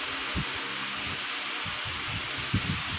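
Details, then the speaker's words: Normal heart sounds at the aortic area: soft, low heart thumps under a steady hiss, second heart sound louder than the first. "aortic area, the S2 is louder than the S1."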